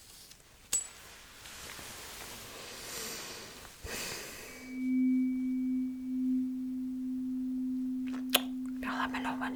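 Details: Simulated tuning fork hearing test in an ASMR cranial nerve exam roleplay, fork placed behind the ear: a steady pure ringing hum that slowly fades.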